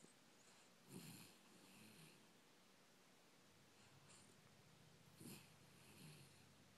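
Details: Soft, quiet snoring breaths recurring about every four seconds, each with a slight snort, over faint room hiss: snoring.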